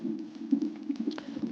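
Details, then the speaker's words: Rapid whooshing fetal heartbeat pulses over a steady low hum with scraping handling noise, picked up by a gel-coated Doppler probe on a pregnant woman's abdomen during fetal monitoring (CTG); fetal heart sounds. "VO et si on a de la chance on entend bien donc ça va être alors aussi imprimé sur le papier et on voit déjà un petit peu sur l'écran les BR de cœur du bébé et on l'entend bien"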